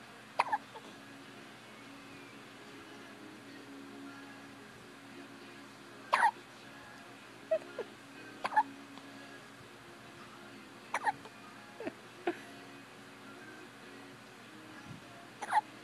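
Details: Recurring brief, sharp gulping catches every one to two seconds over a quiet background with faint hum: a person (Kinley) with hiccups.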